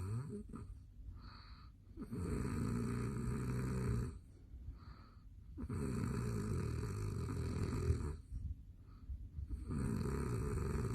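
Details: Habitual very loud snoring in a man, recorded late at night by his wife: loud, rough snores on each breath in with quiet breaths out, about three cycles in eleven seconds; heavy snoring.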